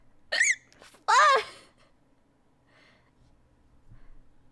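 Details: Two abrupt, high, squeaky voiced catches about a second apart, then quiet room noise: squeaky hiccups.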